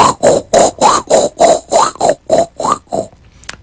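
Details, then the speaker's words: Cardiologist's rapid, regular, scratchy rasping imitation of a pericardial friction rub. The case is a chest-pain patient with pericarditis, pain worse lying down and breathing, better sitting up; the ECG suggested a heart attack. "of the heart of pericarditis inflammation of the lining around the heart"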